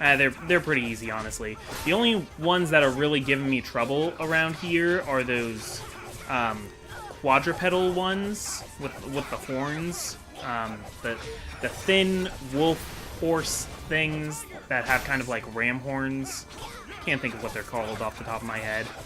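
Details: Adult male who says he stutters a lot and has a speech impediment, in unscripted gaming commentary; stuttering.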